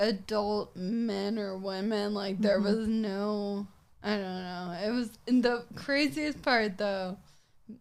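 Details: Ataxic dysarthria in a 26-year-old woman with Friedreich's ataxia, a progressive genetic disease; also affects gait.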